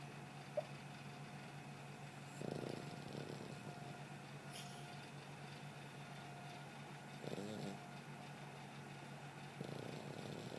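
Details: Sleeping dog snoring: soft snoring breaths repeating every four to five seconds over a steady room hum; snoring.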